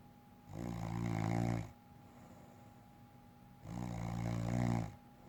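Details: Adult woman (a wife) snoring while asleep: two long, low, rumbling snores on the in-breath about three seconds apart, with a faint steady hum in the room.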